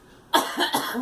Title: Girl coughing